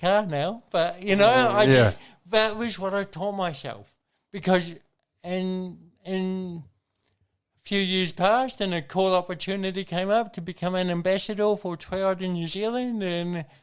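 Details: Adult man with congenital cerebral palsy, a brain injury from oxygen loss at birth, thinking unaffected: dysarthria (cerebral palsy).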